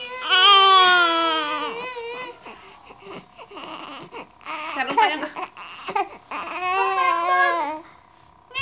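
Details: High-pitched infant wailing cry in long bursts, short breaths and whimpers between, in a small room.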